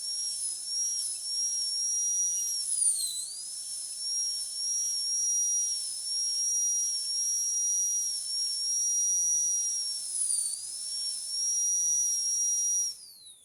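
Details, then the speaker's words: High-speed dental drill whine, pitch dipping as the burr loads, while cutting depth grooves during full veneer metal ceramic crown preparation of tooth 46. "Now for the lingual side, next I am going to give a functional cusp bevel depth groove. So I am going to angulate the burr 45 degrees to the axial wall and going to give 2 depth grooves."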